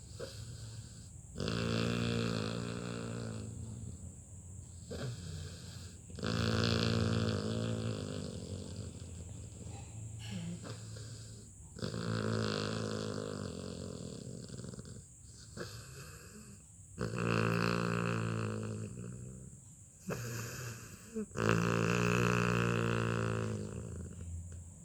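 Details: Loud, rhythmic snoring with rattling inhalations, about 12 breaths a minute, from a Labrador puppy napping on his owner's lap.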